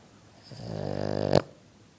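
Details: French Bulldog snoring extremely loudly: a single loud, rattling snore that builds over about a second and ends in a sharp snort.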